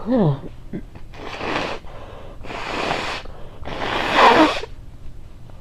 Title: Power behind the sneeze